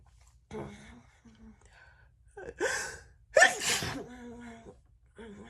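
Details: Sharp inward gasps build to two forceful, wet sneezes, with soft voiced breaths between; a big, wet sneezing fit.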